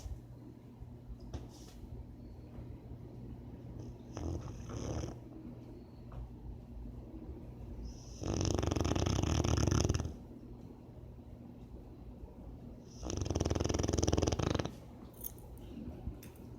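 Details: Dog snoring in sleep: loud, rattling snores of about two seconds each, roughly five seconds apart, with quieter snuffly breathing between them.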